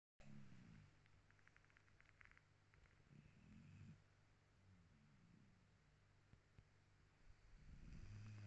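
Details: Dog named Dorothy snoring while asleep on the sofa: low, rumbling snores in slow repeated breaths with a few faint clicks between them, possibly dreaming.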